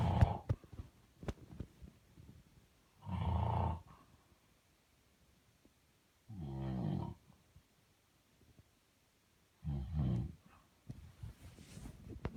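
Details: Adult man (father) snoring, recorded in 2019: loud, low rattling snores on inhalation, about three in twelve seconds, with quiet pauses between; ordinary heavy snoring.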